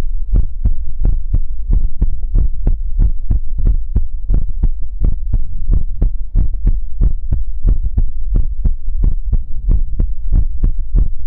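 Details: Heartbeat sounds in a Chinese ASMR livestream: steady, strong low thumps in lub-dub pairs with a constant hum underneath; a regular heartbeat.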